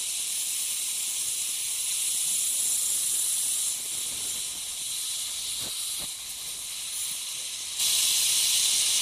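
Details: Ultrasonic piezosurgery unit with a round diamond tip cutting a dental sinus window osteotomy for sinus lift: steady high-pitched hiss of water irrigation with faint tip contact sounds.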